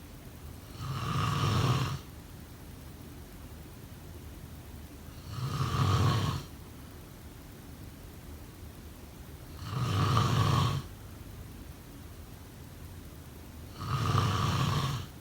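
Four regular, rumbling snores on inhalation, about 14 breaths a minute, with quiet breathing between them: typical snoring.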